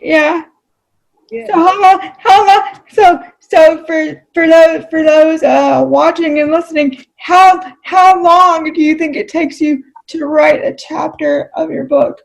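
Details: Adult female with cerebral palsy, who reports that voice-recognition software fails to understand voices with cerebral palsy about half the time; dysarthria due to cerebral palsy.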